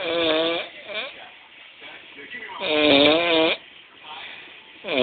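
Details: Roommate snoring: loud buzzing, vibrating snores on the breaths with quieter rasping between them; muffled recording.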